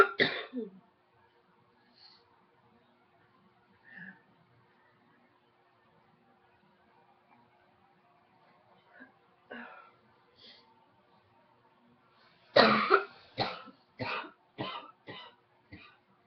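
An opening cough, scattered quiet throat sounds, then a burst of about six short coughs in quick succession; repeated coughing.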